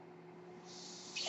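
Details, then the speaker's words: Sound of the speaker's own home mechanical ventilator, audible in the background while he speaks during a podcast recording. "That noise you hear is my ventilator. And thank you for tuning in to Page Turners They Were Not, my Star Wars podcast."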